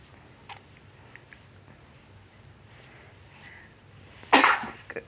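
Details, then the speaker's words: Single sudden, sharp sneeze from a 10-week-1-day-old baby girl in a quiet room, one of repeated sneezes; parent wonders if she has a booger. "bless you sneezy baby"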